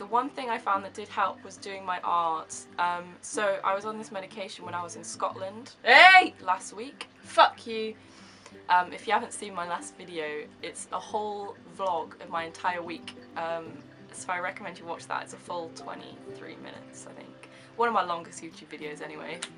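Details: Young woman with severe Tourette syndrome, involuntary movements and noises for seven years, not medicated for tics; vocal tics including shouted words, swearing, 'hey' and laughing; vocal tics (Tourette syndrome).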